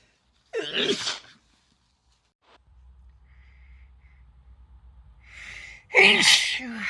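Two loud, explosive sneezes, each with a sharp intake of breath before the burst; ordinary sneezing.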